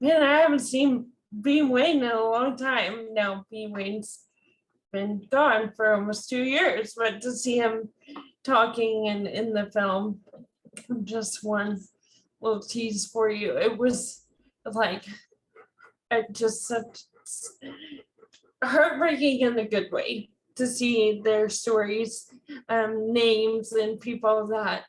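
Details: Dysarthria in a woman with ALS diagnosed in 2014, with real slurred, hard-to-understand speech.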